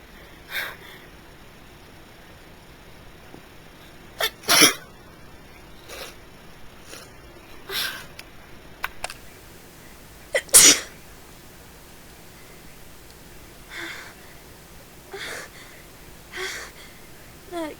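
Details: A person caught in a sneezing fit: about ten sharp, explosive sneezes in under twenty seconds with quiet gaps between them; sneezing.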